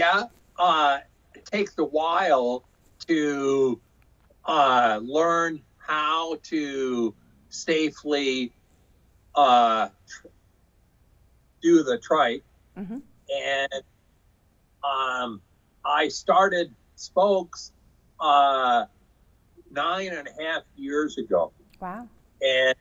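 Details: Residual aphasia with mild non-fluent speech in an adult man after a 2005 stroke caused by hereditary hemorrhagic telangiectasia (HHT); he was told he would never talk again.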